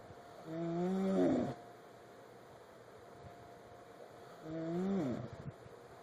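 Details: Snoring during sleep, likely an animal: two slow, drawn-out, groaning voiced breaths with a rattling end over steady room hum.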